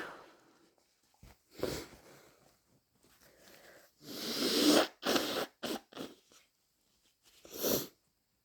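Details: Person with a cold (stuffy nose, sore throat, headache, slight dry cough) inducing sneezes to relieve congestion: several forceful noisy bursts with quick intakes between, ending in a nose blow.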